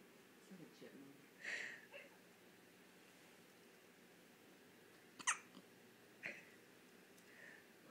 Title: Harps & Hiccups